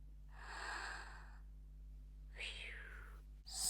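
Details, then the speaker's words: Simulated snoring from a Fisher-Price Soothe 'n' Snuggle Otter infant soother toy: a soft, airy inhale-exhale cycle imitating a sleeper's gentle snoring breaths. "right when you press it again it switches it off so we'll press it again ah yes now it's it's now it's um doing the BR the snoring yeah that's quite nice"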